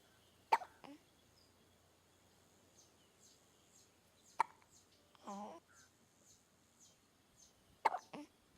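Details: Three-banded plover filmed at a dam; the hiccup sound was dubbed in, not made by the bird: three sharp, abrupt hiccup-like catching gulps at roughly four-second intervals in a quiet room.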